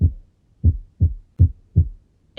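Clear, regular low-pitched thumps in lub-dub pairs with brief quiet gaps between them; normal first and second heart sounds.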